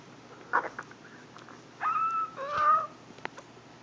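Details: High-pitched squeaky gurgles and short pops from a pet's belly, recorded on a phone; stomach gurgling (borborygmi).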